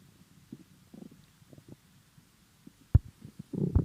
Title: My empty stomach rumbling in the morning